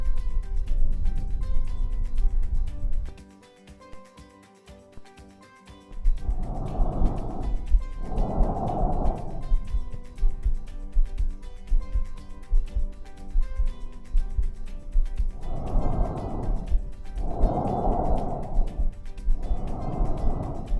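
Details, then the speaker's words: Normal breath sounds heard on chest auscultation of a patient seated leaning slightly forward, hands on thighs, examined top to bottom and side to side starting at the left suprascapular region; normal breathing has tracheal and vesicular components. "no el ruido respiratorio normal y se oculta está compuesto por dos componentes en la linda traje y el murmullo"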